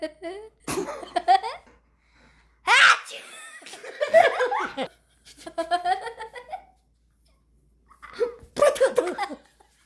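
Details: Playful family sneeze imitation: several exaggerated sneeze sounds in a row with laughter between them; imitated rather than real sneezing.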